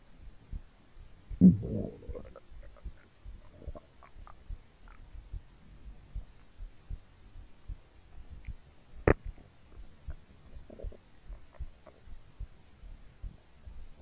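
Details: Ordinary hunger stomach growling (borborygmi) recorded for about three minutes: steady low gurgling and rumbling with a few louder squelches.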